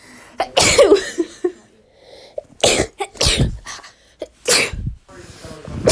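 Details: A daughter's sneezing fit: a run of about four or five sharp, explosive sneezes with short breaths and faint room noise between them.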